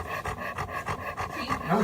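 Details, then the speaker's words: 12-year-old Labrador referred with a pneumonia diagnosis, in low body condition, with nasal flaring and intermittent effortful inspiratory stridor worse in heat: rapid, harsh, stertorous panting, about four breaths a second, from laryngeal paralysis. "No sé si se alcanza a escuchar ahí su jadeo, que era un jadeo muy estertoroso."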